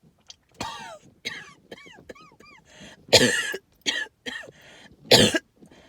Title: Lots of wheezing with some hacking cough